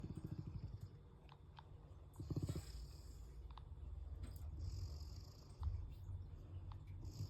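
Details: Large sleeping mastiff-mix dog snoring: a low, rumbling, fluttering breathing noise, steady and soft.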